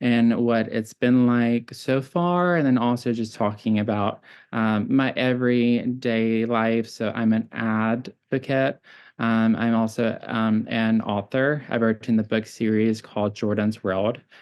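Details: Childhood apraxia of speech, present since birth, in a 26-year-old man; neurological brain-to-mouth disconnection affecting tongue, lip and jaw movement; diagnosed profound at age 5, now classified mild, varying day to day.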